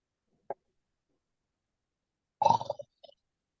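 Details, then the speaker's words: A brief, rough, fluttering open-mouth snore sound after a faint click in a quiet room, imitated by an adult demonstrating snoring during a pranayama breathing lesson; simulated snoring. "स्नरिंग sound जो होती है ना उसका मुंह खोल के खर्राटे मारते हैं देखो मैं खर्राटे मार के दिखता हूं देखो मेरा मुंह देखो"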